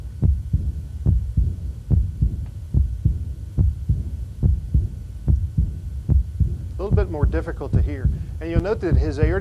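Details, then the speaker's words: Chronic severe aortic insufficiency (aortic regurgitation): regular heartbeat about 71/min with a prominent, loud second sound, faint diastolic murmur, and a mid-systolic murmur from the large volume crossing the aortic valve; voice over the end. "there's a mid-systolic murmur as well because of the volume of blood that's going back across the aortic valve"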